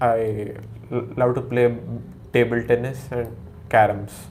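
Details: Stammering (stuttering) in a male, present since childhood, recorded before speech therapy; worse when talking to strangers, with difficulty producing the starting word.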